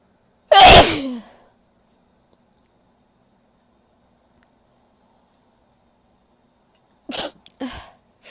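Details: Big, powerful sneezes from a female: one loud, forceful sneeze, then silence and two shorter sneezy bursts near the end.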